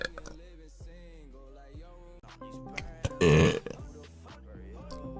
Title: Burp Compilation 2